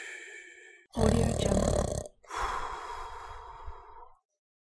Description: High Quality human sound FX. Man snoring.